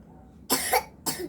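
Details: Child coughing, two short sharp coughs in a quiet room; said to be eating candy constantly.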